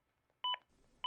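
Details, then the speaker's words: ZOLL AED Plus defibrillator during CPR: short electronic prompt beeps during chest compressions; AED CPR feedback tone. "the aed will let you know every 15 seconds if you don't reach the target cpr depth after being told to push harder"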